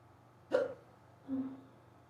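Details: Severe, very fast hiccups that began suddenly on waking and lasted almost 20 minutes in someone who rarely gets hiccups, recorded in the last ten minutes: two abrupt voiced gulps about 0.8 seconds apart.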